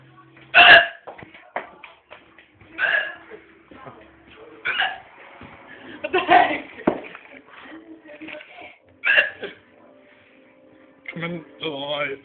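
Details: Person with recurring hiccups: sharp, abrupt vocal catches roughly every two seconds, about five in total, with talk and faint music behind: hiccups.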